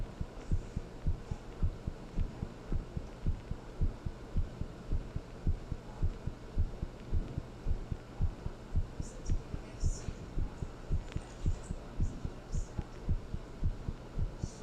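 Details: Heartbeat audio: steady, regular low heart thumps at roughly 110 a minute over a constant low hum.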